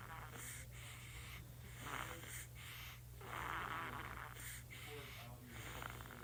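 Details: Newborn baby girl snoring in sleep: soft, noisy, snuffly breaths rising and falling in an irregular rhythm; light infant snoring.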